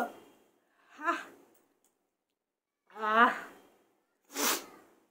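Short voiced inhaled catches followed by a sharp, hissing sneeze burst at the end; an ordinary sneeze.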